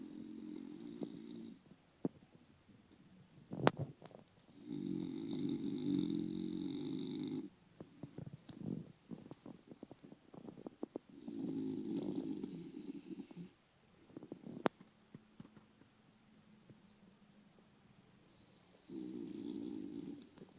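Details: A sleeping female bulldog gives rhythmic rattling snores on each breath with soft clicks between. This is mild snoring for a flat-faced dog, quiet compared with her usual snoring.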